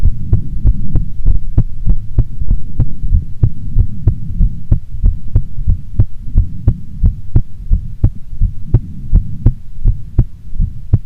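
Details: Female heartbeat recorded before sleep: regular, deep lub-dub thumps at a steady resting rhythm over a low hum, a normal heartbeat.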